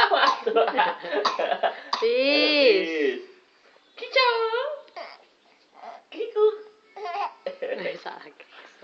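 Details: A 6-month-old infant's high-pitched squeals and giggles broken by short, harsh cough-like bursts in a small room: infant cough.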